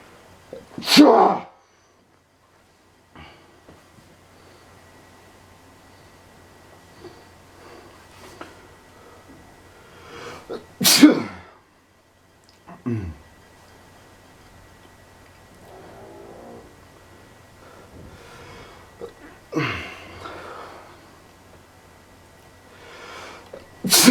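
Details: An adult sneezes forcefully four times with gasping in-breaths, a run of sneezing thought to be from either pepper or allergies.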